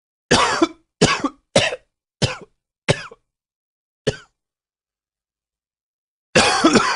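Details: Seven sharp coughs, six in a quick run, then a pause before a final louder cough.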